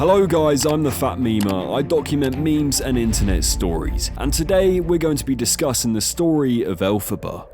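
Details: Adult male narrator; ordinary fluent speech.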